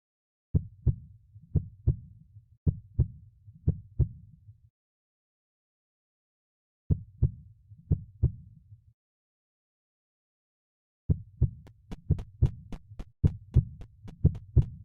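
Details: Heart sounds: paired sounds at about 60 beats per minute, with sharp clicking in the final few seconds.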